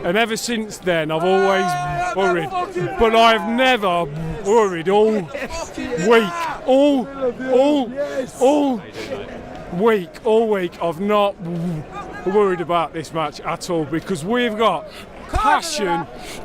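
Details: Adult male who stammers, unscripted speech in a football fan-cam interview, with his fluency technique abandoned; many blocks and clearly overt stammering; stuttering.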